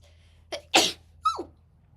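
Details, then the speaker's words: Adult woman's short, high-pitched, squeaky sneeze, a quick intake, a sharp burst, then a falling squeal; she suspects dust from her tea caused it. "Damn it. I usually mute when I sneeze. So, if you ever wondered what it sounds like when I sneeze, that's I usually mute. Damn it. That must have been the dust from my tea."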